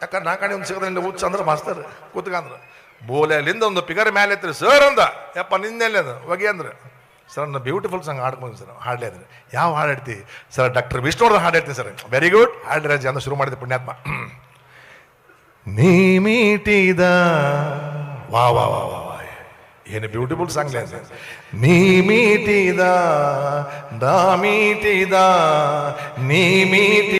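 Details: Comedian imitating a schoolboy who sings with faltering or lisping speech (todalu) in a comedy act; stuttering (imitated).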